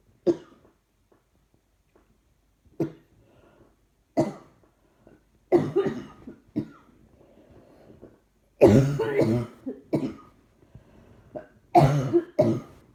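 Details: About a dozen bursts of dry coughing and throat clearing, some in quick clusters, with quiet breaths between, in a small room. The person says trying not to cough makes it worse. Repeated cough.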